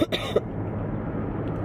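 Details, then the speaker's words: Adult with flu, coughing in a car: two quick harsh cough bursts, then steady car noise; flu cough. "I'm so tired of coughing"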